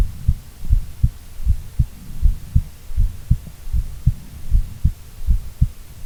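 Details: Normal heart sounds from a female: steady low thumping heartbeat at about 79 beats a minute with a soft background hum.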